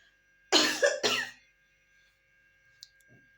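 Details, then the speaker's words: Adult woman, on day 34 of evacuation, who woke up coughing, calls it a strange rustling cough like after COVID and suspects a chill from sitting outside underdressed in wind: two quick harsh dry coughs in a quiet room. Cough. "он сегодня проснулась и начала кашлять и на сушу то не дом и какой-то кашель у меня"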